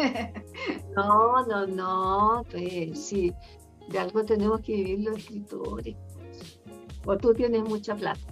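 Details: Adult woman speaking Spanish; Normal voice.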